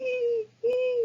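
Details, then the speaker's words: Adult's voiced imitation of stridor, an upper airway obstruction sound, in an EMT patient-assessment lecture: two sustained high-pitched tones. "you can sometimes hear things like Strider which is an upper airway obstruction that we've kind of talked about before it's a high-pitched"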